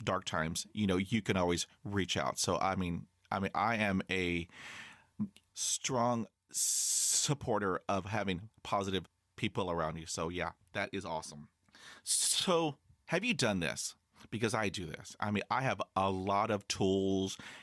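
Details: High school senior male who has stuttered severely since age 10, after six years of speech therapy; the finding is stuttering.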